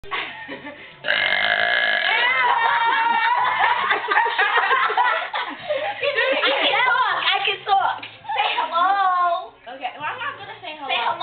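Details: Young girl deliberately producing a long, loud, drawn-out voiced belch lasting several seconds, followed by giggling and laughter; she can reportedly burp whole conversations.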